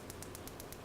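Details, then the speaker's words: PiezoWave 2T shockwave with 40mm offset probe on a horse's front high suspensory, standing, with ultrasound gel, rate set between 8 and 20 clicks per second: regular sharp clicks as the probe loses skin contact over the leg's contour. "I've lost contact. So, because of the contour of the leg, you have to just press a little bit."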